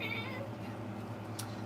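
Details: Brindle cat whose mouth moves with little sound before a faint cry; owner says she has a cerebral-palsy-like condition that followed spay surgery; weak abnormal meow.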